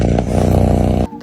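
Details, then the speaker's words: Cat purring: steady, low, rumbling purr lasting about a second before it stops. "Ternyata suara dengkuran bukan cuma tanda kucing bahagia loh. Dengkuran juga bisa membantu mereka menenangkan diri bahkan mempercepat penyembuhan luka atau sakit."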